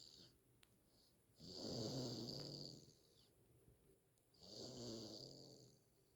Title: snore like a grown person